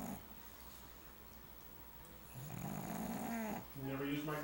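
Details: Pug dog sleeping in a quiet room, recorded 22 Aug 2008: raspy, buzzing snorting breaths with a whistling, wheezy tone; snoring.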